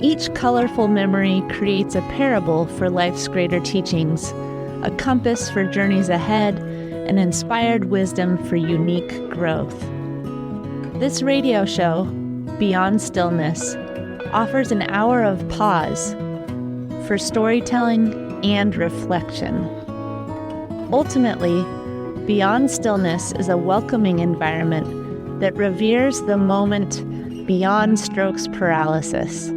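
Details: Adult woman narrating over soft guitar music; ordinary fluent speech.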